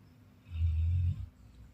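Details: Sleeping Labrador dog snoring: a single low, rumbling snore lasting under a second.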